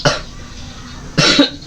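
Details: Three harsh, loose cough bursts in a small room during a massage intended to relieve cough and bring up phlegm; wet productive cough.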